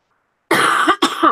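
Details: After a moment of silence, two quick, harsh, hacking coughs with no rattle or phlegm, from an adult still coughing with a runny nose on the first day of feeling better: a dry cough.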